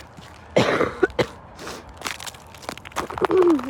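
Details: Short, light cough from someone in icy weather who says their throat hurts badly.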